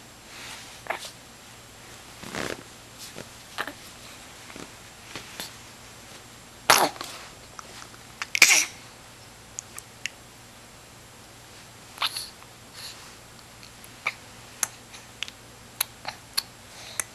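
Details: 2-month-old kitten: two sharp, sudden bursts of air with faint snuffling and clicks between them in a quiet room; sneezing.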